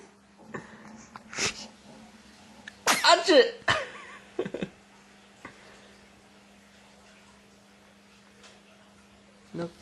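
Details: A sharp, explosive sneeze with a brief intake of breath before it, over quiet room sounds and a steady low hum.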